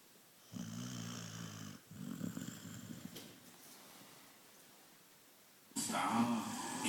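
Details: Two rumbling, rattly snores followed by a louder noisy burst at the end; a sleeping springer spaniel snoring.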